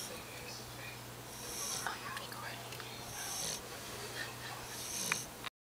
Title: My Puppy Snoring